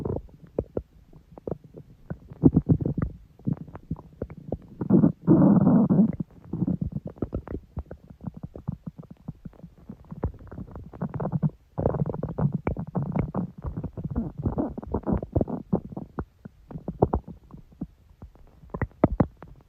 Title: Stomach growl. Long